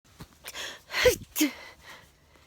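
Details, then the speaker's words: Someone sneezing late at night takes a quick inward gasp, followed by two sharp, explosive bursts of air; they say sneezing so hard once sent their whole body into a spasm. A pair of sneezes. "oh my God I was sneezing so hard my whole my whole body in a spasm I couldn't even pick my phone up"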